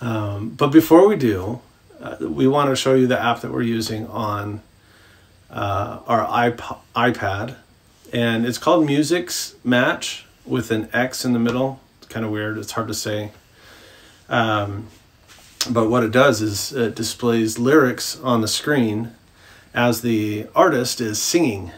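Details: Adult man speaking; ordinary speech.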